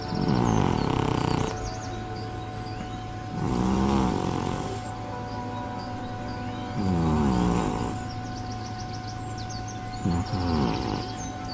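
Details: Cat snoring in deep, relaxed sleep: slow, rattling snores every few seconds over a steady background tone; normal sleep snoring.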